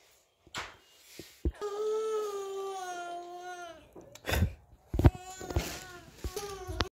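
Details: Young child (girl) crying to be brought to her mother: a long sustained wail followed by shorter sobbing cries in a small room.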